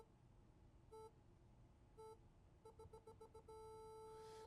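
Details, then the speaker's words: Rooter X4000 apex locator during endodontic root canal file advancement: single beeps, then a quick run of repeated beeps and a steady tone; repeated beeping in the red zone signals the file is beyond the apical foramen. "If it goes several times, that means I'm beyond."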